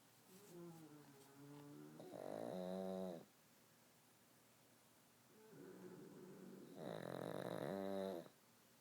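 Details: Two long, rattling, buzzy breaths about four seconds apart, each rising to a harsh vibrating peak, from a sleeping pug in a quiet room: snoring.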